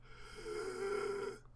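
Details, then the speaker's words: Adult recovering from pneumonia and out of breath breathes close to the microphone: a single breath carries a steady, musical whistling tone, a wheeze from narrowed airways. "might hear that a little bit you're gonna hear the wheeze okay"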